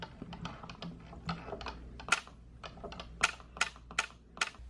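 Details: YAG laser vitreolysis on a returning floater patient, treating material left and displaced from the previous day's session: sharp irregular clicks of laser pulses breaking up a vitreous floater, with faint room noise.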